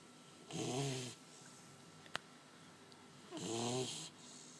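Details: Ordinary snoring: two loud, rattling snores about three seconds apart, each lasting around half a second, with a quiet room between them.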